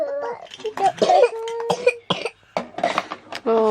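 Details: Young child with a cough and cold, kept off nursery: a short cough breaking through children's chatter.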